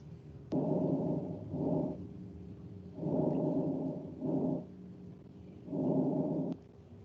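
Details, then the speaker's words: Example recording from a nursing physical-examination class: soft, low, deep rustling breath sounds from air moving in the bronchioles and alveoli, about three slow breath cycles over a steady hum; normal vesicular breath sounds. "Então os murmúrios vesiculares são aqueles sons provenientes do movimento de ar nos bronquíolos e nos alvéolos eles são sempre sons suaves mas ao mesmo tempo eles têm uma gravidade são sons graves"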